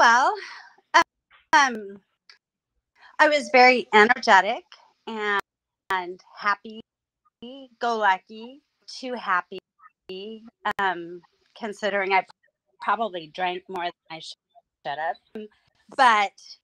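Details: Woman about nine years after hemorrhagic strokes caused by a carotid artery tear, which left her unable to talk; she relearned speech with a speech pathologist through singing. Mild residual post-stroke aphasia.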